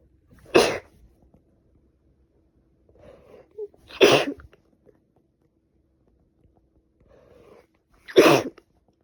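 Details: Female sneezing with a cold: three forceful sneezes, each preceded by a short indrawn breath, about four seconds apart in a quiet room.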